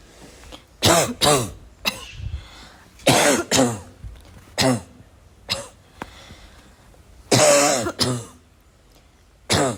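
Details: Person in a long run of repeated coughing mixed with throat clearing and voiced grunts, about ten bursts with little rest between them.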